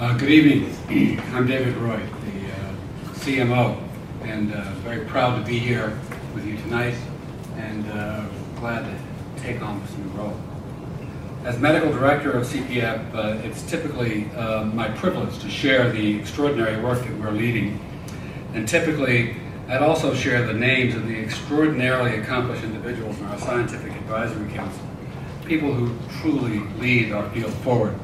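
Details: Adult male speaker; normal speech.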